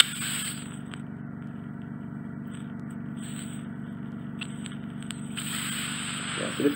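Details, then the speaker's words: Microsuction of impacted ear wax lodged deep near the eardrum, in a client with wax fully blocking both ears, the right worse: continuous suction hum with whistling hiss and crackly scraping as wax is loosened and drawn out. "Lodge quite deep in your eardrum, so just gently loosening it, wriggling in circles, it is quite impacted."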